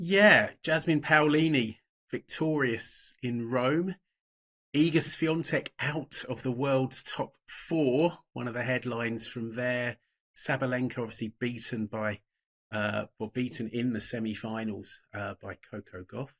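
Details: Adult man speaking; normal voice.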